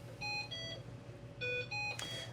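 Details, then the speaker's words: Ventilated patient during a brain death exam: suctioning down the breathing tube to test the cough reflex produces no cough. Repeating bright electronic tones in short bursts follow; a routine ventilator alarm, which can be silenced. "The normal ventilator alarms will sometimes go off when you're trying to do this, and you can just silence that real quick."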